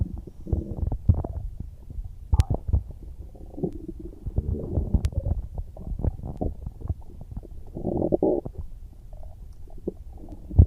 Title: stomach growling I am hungry